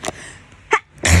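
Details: Hay fever sneeze: a quick intake of breath before a short, sharp sneeze.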